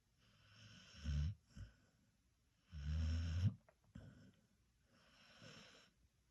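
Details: Sleeping puppy snoring, later waking himself: low rumbling snores on two in-breaths with a quieter third; ordinary snoring.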